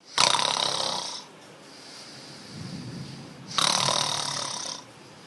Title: how normal people snore and how beatboxers snore.